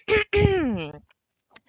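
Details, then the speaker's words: Two short coughs from an adult speaker, the second voiced and trailing off with a falling groan-like tone: cough. "I'm sorry I'm coughing, y'all. I know. Don't nobody want to hear that all the way."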